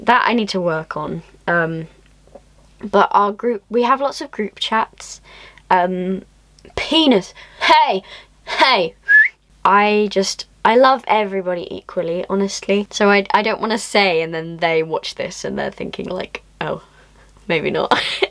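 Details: Young adult woman speaking; Vocal tics with coprolalia (Tourette syndrome).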